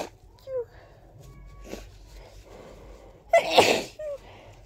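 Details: One big, wet, explosive sneeze with a sharp intake before it, in a quiet room; sneeze.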